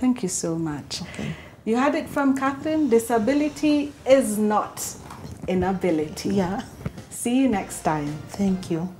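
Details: Adult woman speaking; typical speech.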